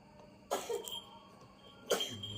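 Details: A young child gives two short, sharp coughs about a second and a half apart over faint room noise: cough.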